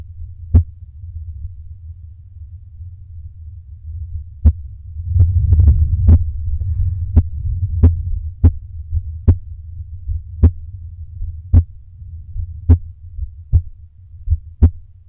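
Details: Slow, regular heartbeats, about 50 a minute, over a low steady hum, with a brief rustle midway; slow resting heartbeat while doing exhale breath holds to slow it.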